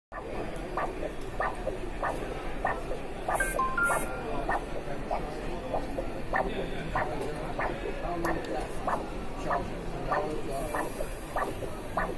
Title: Vascular Doppler